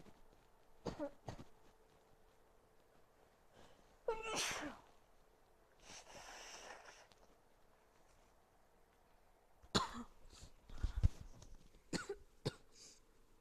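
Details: Loud, explosive sneeze with a sharp hissing burst among several shorter sneezes or nose noises, from a person with a cold.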